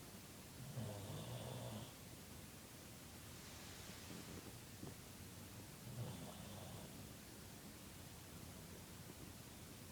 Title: Pug snoring so loudly